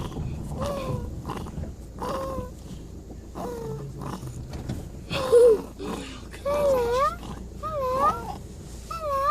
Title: 6 month old baby making noises with tracheostomy